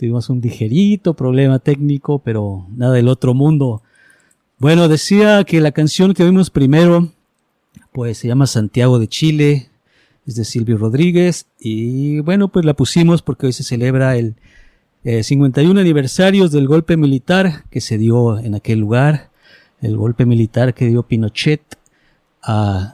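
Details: Adult man speaking Spanish; typical speech.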